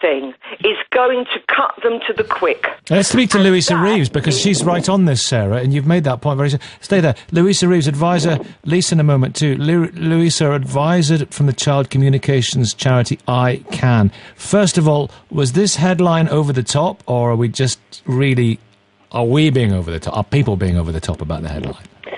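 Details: Adult male radio presenter; No speech disorder.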